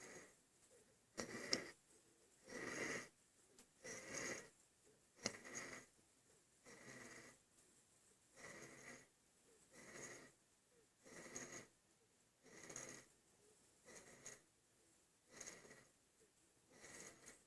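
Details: Infant breathing hard: noisy, effortful breaths with a raspy, snoring quality, about 22 breath cycles a minute, in a quiet room; laboured breathing.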